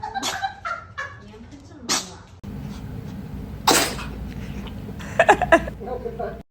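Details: A cat gives a sharp, explosive sneeze amid household voices and small animal noises: sneezing.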